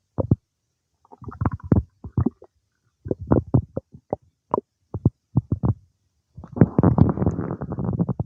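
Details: Bowel sounds (borborygmi) some time after eating cake: deep bubbling gurgles in short bursts ending in a longer rolling rumble, normal digestion.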